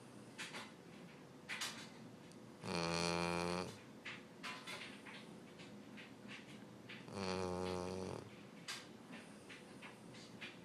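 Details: Nightly snoring during sleep: loud, buzzing, droning snores about every four to five seconds, with faint clicks and rustling between them.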